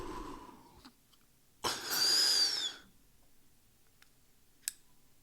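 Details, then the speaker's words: Symbicort (budesonide/formoterol) pressurized metered-dose inhaler demonstration: after breathing out, a sharp click and hiss of the spray as it is pressed during slow inhalation, breath-hold quiet, then faint breath release; metered-dose inhaler actuation. "I'll show you that one one more time so breathing out and then as I'm slowly breathing it back in I press on the inhaler it looks a little bit like this and slowly release and then put the cover back on all done"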